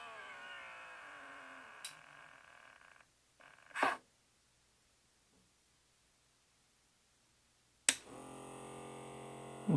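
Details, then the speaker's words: CAVN automatic upper-arm blood pressure monitor started by elbow switch, user seated upright, palm up: steady motor whine of the pump inflating the cuff around the bicep, with a pause between bursts in a quiet room. "Okay, you have to put your elbow on that switch for it to start up and now it's inflating the cuff."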